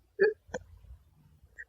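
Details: Two abrupt, hiccup-like vocal bursts in close succession from a US high school student with Tourette syndrome; vocal tic.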